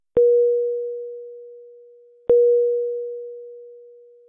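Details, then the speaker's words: HeartStart XL+ monitor/defibrillator medium-priority alarm for a non-life-threatening condition such as heart rate outside high or low limits, yellow message; two single steady tones fading slowly, about two seconds apart. "a medium priority indicates a non life-threatening condition such as when the heart rate measurement violates the high or low limits the alarm message displays with a yellow background and sounds like this"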